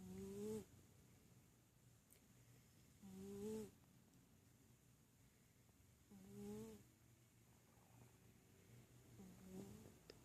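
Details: Sleeping pet, likely a cat: soft, whistling breath sounds recur about every three seconds, roughly 20 a minute, rising slightly in pitch; quiet snoring.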